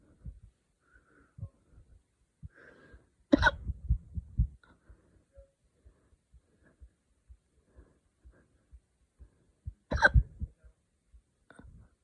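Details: Two sharp, sudden catches of breath about seven seconds apart, with faint low thumps between them; hiccups after drinking wine too fast.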